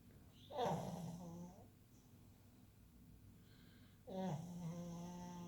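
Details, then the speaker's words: Snoring during sleep: two loud, rough, buzzing breaths with a fluttering tone about four seconds apart, in a quiet room. "You're snoring. You are snoring."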